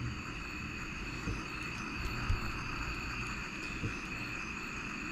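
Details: Steady low airflow hum with faint high whine from a ResMed AirSense 11 CPAP with exhalation relief (EPR) at maximum 3, pressure meter reading dropping from 10 to about 7-8 cmH2O.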